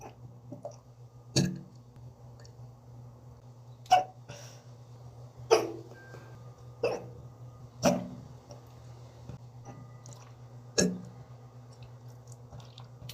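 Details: Six brief, sharp, jerky hiccups spaced irregularly over a steady low hum, consistent with hiccups in a cat.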